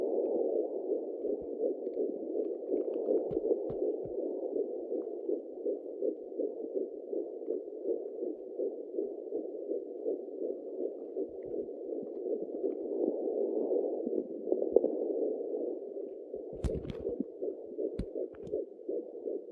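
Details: Fetal heartbeat at 11 weeks of pregnancy on a fetal Doppler: fast, rhythmic whooshing pulses at about 160 beats a minute.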